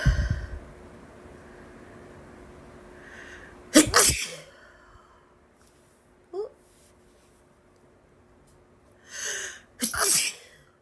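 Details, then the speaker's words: Woman's allergy sneezing fit with spray: a few forceful sneezes with sharp air bursts, a brief catch of breath, and a quick second sneeze near the end. Sneezing. "gonna sneeze. Gonna sneeze again. Oops. Had a little boogie again. I have to sneeze."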